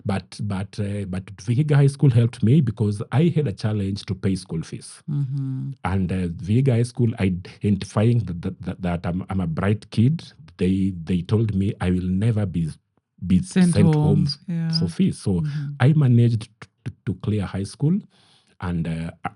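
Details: Adult man who stammers, which he says is genetic, inherited from his mother, and at times acute; word and part-phrase repetitions heard; stuttering.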